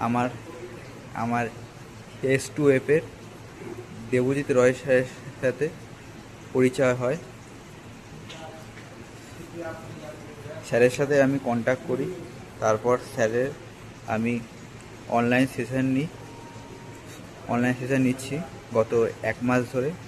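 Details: Adult male who has stammered for many years, recorded after about four weeks of online fluency training; long pauses between phrases heard; stuttering.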